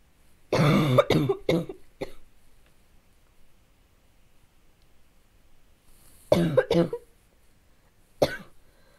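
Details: Barking cough in a child: a sudden fit of harsh, barking coughs in two bouts, about seven coughs in all.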